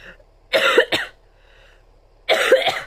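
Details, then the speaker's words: Coughing fit in an adult woman who says it comes on when she tries to talk: three harsh, explosive coughs in quick succession. "Alors maintenant j'ai une quinte de toux. J'en ai pas eu depuis tout à l'heure. Voilà, c'est quand je veux parler qu'il faut que j'ai des quintes de tout."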